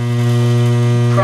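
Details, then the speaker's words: Steady low electric hum of a dental lab vibrator running, used to settle stone into an alginate impression and drive out bubbles when pouring a cast. "we'll let that go for 30 seconds during which time I will turn the vibrator [Music] on for a little bit there"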